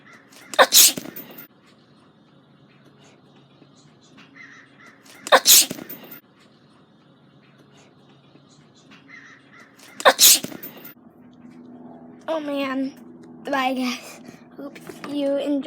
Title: Sneeze sneeze